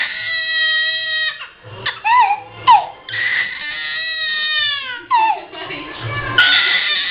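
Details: A small baby cries in drawn-out wails and shorter broken sobs over a low background hum; ordinary infant crying.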